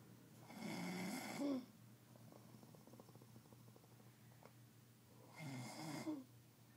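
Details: Sleeping man snoring: two rattling inspiratory snores about five seconds apart, with quiet breathing between.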